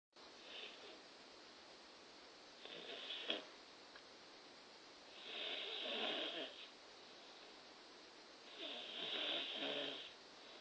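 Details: Four rough, rattling breath sounds roughly every three seconds, louder with each breath, against quiet room noise; snoring during sleep.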